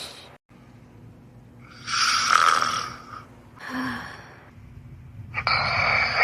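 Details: Harsh, hissing, airy snores with a snort, heard in a quiet room; snoring.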